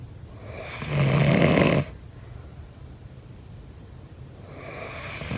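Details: Snoring sound effect: a loud rattling snore on the in-breath, then a quiet pause before the next snore begins; ordinary snoring.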